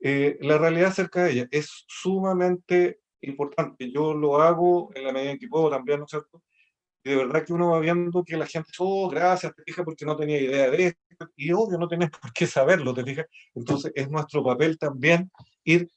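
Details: Adult speaker, Spanish; ordinary speech.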